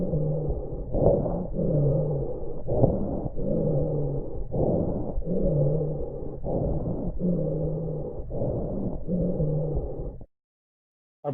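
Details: COPD lung sounds: harsh, rapid breathing with prolonged expiration and coarse popping inspiratory crackles.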